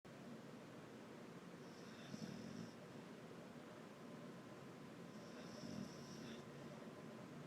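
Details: Very big boxer dog sleeping during the day: two loud, rasping snores about three and a half seconds apart over a steady background hum; ordinary sleep snoring.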